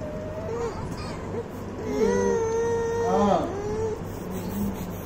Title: Baby teething sounds